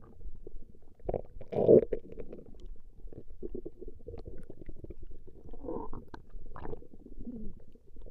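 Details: Recording of a woman's stomach growling: low gurgling, rumbling abdominal sounds with bubbly squeaks throughout, gas and fluid moving through the gut; borborygmi.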